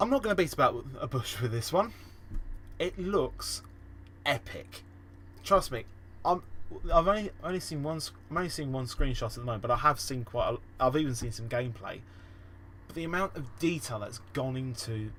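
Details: Real, self-reported stammering and stuttering in a male podcast host, with repeated and revised words in this stretch; finding: stuttering.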